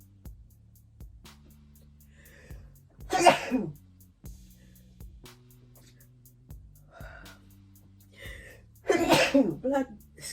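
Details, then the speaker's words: Reflex sneezing in a young woman during a self-administered Covid-19 nasal swab test, swabbing each nostril for 15 seconds, with watering eyes: two loud sneezes with sharp intakes over background music. "It's just my eyes are watering for some reason. And I do it in this nostril for 15 seconds. My gosh, I keep sneezing."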